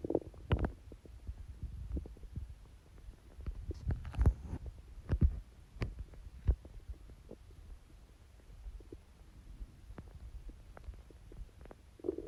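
Low, gurgling, watery rumbles come and go irregularly from the belly; ordinary stomach growling from gas and fluid moving through the gut.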